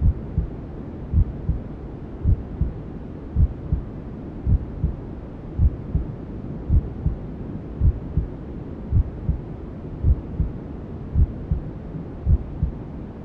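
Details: Simulated ASMR womb sound for settling newborns: steady, muffled maternal heartbeat at about 54 beats a minute under a constant whooshing white-noise hiss, like sounds heard inside the womb.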